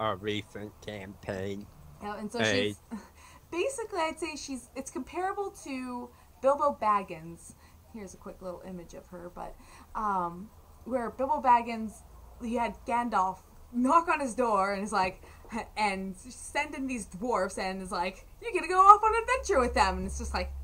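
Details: Adult woman speaking; normal speech.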